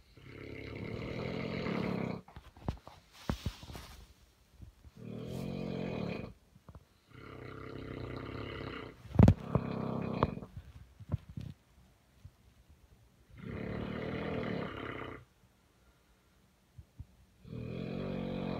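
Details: Loud, rough, low-pitched snoring in long rattling bursts every few seconds from two sleeping Neapolitan Mastiffs, a mother and daughter, recorded in 2017.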